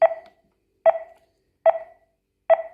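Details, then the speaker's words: ZOLL M2 cardiac monitor in adult monitoring mode, with QRS beep volume being adjusted. Short, regular electronic beeps, about 72 a minute, each marking a detected heartbeat. "you can also change our qrase volume by clicking onto once we confirm"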